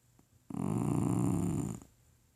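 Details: Shiba Inu dog snoring: one low, rumbling, vibrating breath lasting over a second in a quiet room. Snoring.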